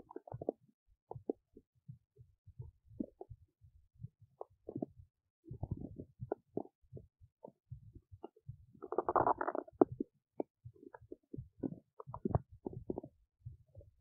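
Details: Adult woman's belly while digesting oats: frequent irregular gurgles, squeaks and rumbles, active digestive bowel sounds.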